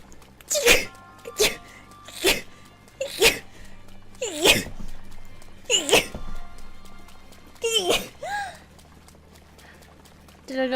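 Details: Girl sneezing: eight short explosive sneezes about one second apart, over steady background music.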